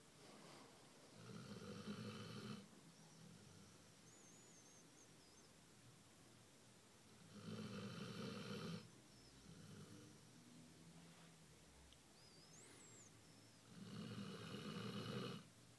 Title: Basset hound snoring